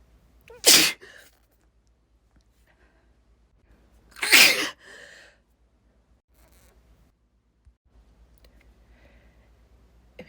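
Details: Person deliberately inducing sneezes by tickling inside the nose with something: two sharp, explosive sneezes a few seconds apart, each with a short breathy tail, in a quiet room.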